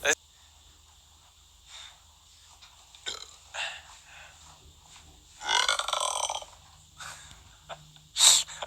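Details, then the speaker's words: Several noisy burping bursts, including a long rough belch in the middle, with music and speech in the background; a burp compilation. "belching is considered a sign of respect a sign of respect a sign of respect"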